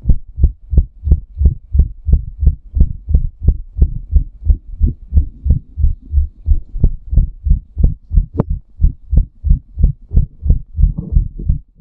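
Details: Person's own rapid, regular, deep thumping heartbeat before, during and after a hot shower, with one brief sharp click; fast heartbeat.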